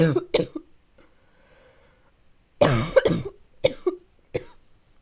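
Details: Barking cough in a child: a sudden fit of about eight harsh, hoarse cough bursts in two clusters with a short quiet gap.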